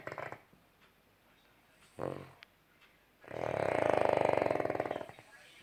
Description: My dog honey Snoring